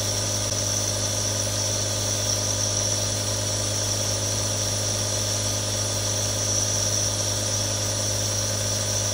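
Steady, unbroken motor hum with a constant airy hiss throughout, the sound of a compressor nebulizer running.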